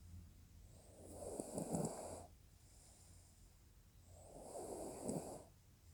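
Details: Person snoring during sleep: two rough, rattling breaths with hissing noise, about three seconds apart.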